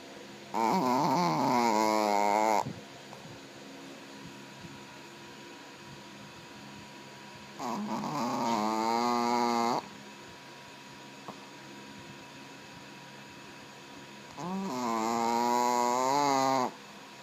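Three long, droning, vibrating snores about seven seconds apart, roughly nine breaths a minute, with quiet pauses between.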